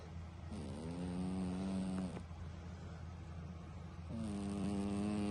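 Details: Cat snoring loudly.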